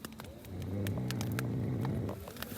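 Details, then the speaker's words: An adult man snoring very loudly in a tent while camping: one loud, low, rumbling snore on an in-breath, with rain tapping in the background. "i'm in the tent it's raining outside so i'm drinking tinnies in our tents as you can hear nick is snoring so loud"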